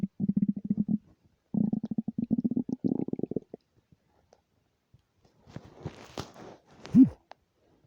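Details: Empty stomach rumbling recorded without a microphone: two bursts of rapid low gurgling pulses, then softer bubbling and a rising squeal; normal borborygmi.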